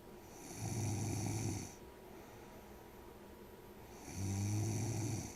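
Two loud, low vibrating snores on breathing in, with quieter breathing between them.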